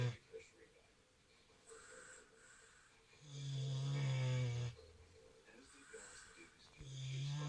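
Low droning snores from a sleeping mini pig, one long snore and the start of another, with soft breath noise between.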